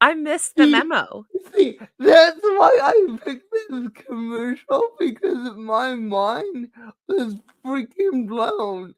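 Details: Adult woman with cerebral palsy, which she says is why she talks this way and that nothing can be done about it; dysarthria (cerebral palsy).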